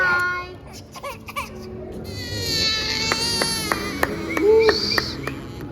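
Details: Infant girl's acute pain cry while having her ears pierced: a high, strained cry with a rising wail and broken sobs over background music. She was already crying a little beforehand.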